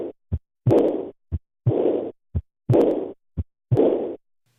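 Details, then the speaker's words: Aortic regurgitation murmur, teaching example: regular heartbeat near 60/min, each beat followed by a long, fading, blowing diastolic murmur from backward flow of blood from aorta into left ventricle. "the turbulent flow here is occurring during diastole when there is a pressure gradient between the aorta and green and the left ventricle in blue although there is always a gradient between those two compartments during diastole only in aortic regurgitation is there actually backwards movement of blood"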